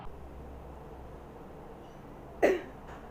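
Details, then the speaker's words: Effective cough demonstration after deep diaphragmatic breathing: after a quiet pause, one short, forceful controlled cough to expel airway secretions into a sputum pot. "Hai usahakan untuk batuk sedikit kuat supaya sekret dapat dikeluarkan dengan baik"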